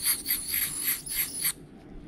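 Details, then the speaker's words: Veterinarian's ultrasonic dental scaling of a 4-year-old dog under total injectable anesthesia, with advanced tartar buildup: a high-pitched hissing whine in repeated bursts, then stopping, as the calculus is removed. "yep you've seen the before is the after all that buildup all that colus is gone"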